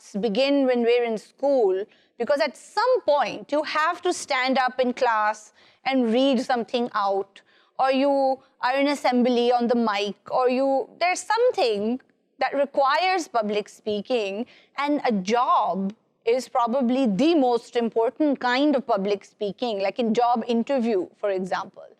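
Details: Adult woman speaking; typical speech.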